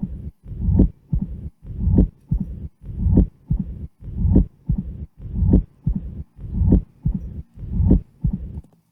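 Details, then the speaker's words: Patient with severe mitral stenosis and atrial fibrillation, heart auscultation at about 50 a minute: prolonged low-pitched diastolic rumble between beats without the presystolic accentuation; mitral stenosis murmur. "Y acá tenemos un paciente con estenosis mitral grave y fibrilación auricular en que se pierde el aumento de intensidad presistólico del soplo diastólico."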